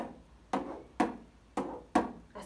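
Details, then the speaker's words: Vocal imitation of aortic stenosis: S1 followed by a sweeping crescendo-decrescendo systolic ejection murmur, then S2; the murmur radiates to the carotids. "Entonces, el ruido de la estenosis aórtica es un soplo sistólico, creciendo, decreciendo, con irradiación hacia las carótidas."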